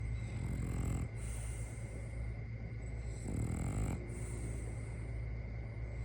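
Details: Dog snoring: deep, loud rumbling snores, roughly 20 a minute, while asleep, with a steady hum in the background.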